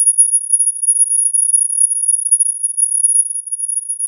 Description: Typical buzz in the ears (tinnitus sound effect).